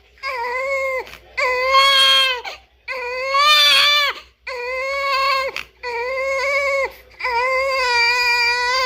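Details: Newborn baby crying: repeated loud, high-pitched crying bursts about a second or more long, separated by quick breaths; a strong newborn cry.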